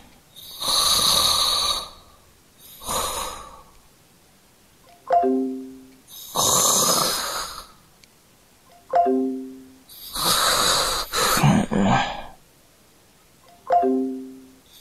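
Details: Acted snoring by a sleepy character in a mobile game call: rough, noisy snores alternating with whistling out-breaths, about six cycles over fifteen seconds; simulated snoring.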